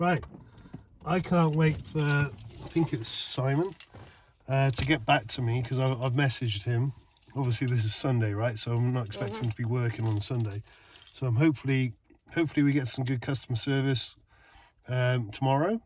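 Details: Adult male speaker; ordinary speech.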